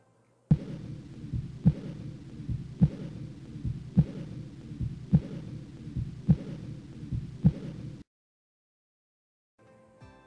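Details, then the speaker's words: Aortic insufficiency heard at the fourth or fifth left intercostal space: regular heartbeat near 52 per minute with a soft diastolic decrescendo whoosh filling the pause after each second heart sound. "this is a diastolic decreasing dome armor so it's diastolic which means after the second heart sound and decrescendo which means decreasing"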